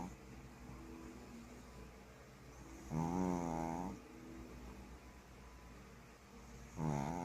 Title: When your dog snore louder than an actual human being 🤣🤣🤣💀